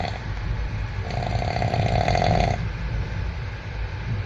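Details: Person snoring while asleep on a train: one loud, rattling snore over the steady rumble of the moving train.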